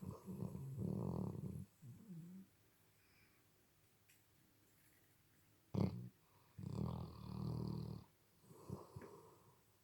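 Repeated rough, rattling snores with snorting breaths and quiet gaps between them: snoring.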